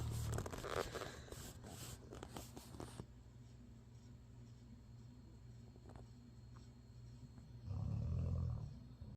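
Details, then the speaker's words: Snoring from two sleepers, described as both snoring and dreaming. "They're both snoring, they're both dreaming."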